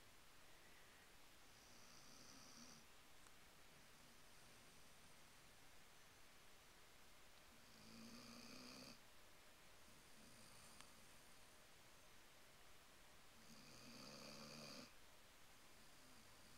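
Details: An 11-month-old Weimaraner asleep on the couch after playing at the dog park gives three soft, rattling breaths roughly six seconds apart, about ten a minute; snoring.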